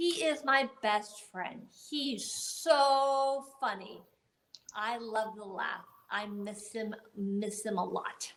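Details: Adult woman speaking spontaneously, with aphasia and paralysis after a gunshot wound to the head in 2011, about ten years after the injury; aphasia.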